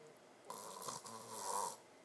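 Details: Single rough rattling snore lasting just over a second, with a short break in the middle; ordinary snoring.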